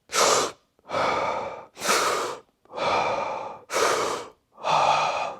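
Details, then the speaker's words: Man following a guided breathing tutorial breathes forcefully and deeply in and out through the mouth at about 33 breaths per minute; deliberate rapid deep breathing that he feels could cause hyperventilation. "It sounds It sounds like the breathing is going to make me hyperventilate. This is how they want you to breathe."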